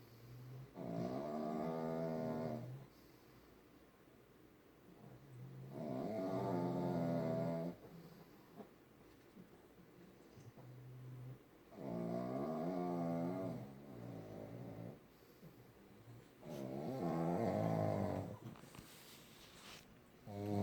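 Loud, rattling, buzzy snores about 12 per minute, each lasting a couple of seconds; typical snoring of flat-faced dogs.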